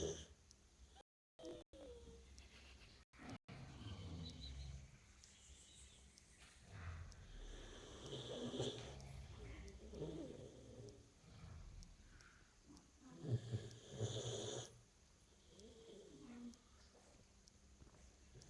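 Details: Soft, irregular snuffling snores from a dog sleeping soundly after a hard day (called a tired mum), over quiet room noise; snoring.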